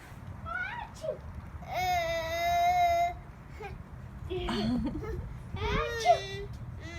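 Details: Baby outdoors: short wailing cries and whimpers with a steady sustained cry in the middle, against outdoor background noise; infant crying.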